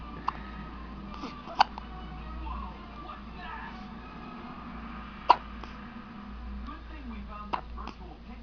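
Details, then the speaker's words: Four short, sharp hiccups spread irregularly over several seconds, about 16 a minute, under background music and talk: hiccups. "You got hiccups. Oh no. Hiccups."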